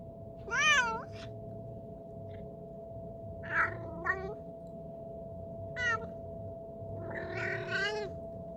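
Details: Sick cat making strange sounds while ill, later recovered: repeated strained, wavering meows and yowls against a steady background hum.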